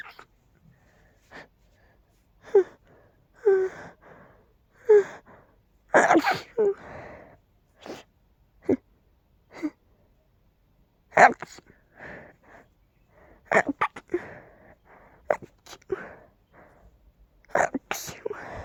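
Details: A run of about a dozen sneezes and sniffs in quick succession from pollen allergy, nose tickly and stuffy all the time.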